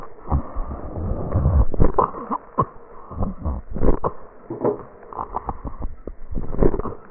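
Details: Tracheal breath sounds with crackles and rhonchi, plus coughing.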